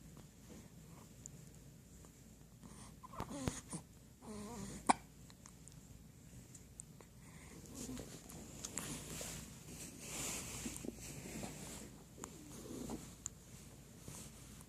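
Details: Hiccups in a newborn only a few days old: soft, brief, jerky breath sounds recurring irregularly in a quiet room.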